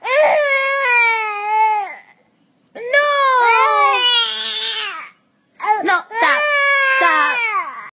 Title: The cutest crying baby face ever!!!!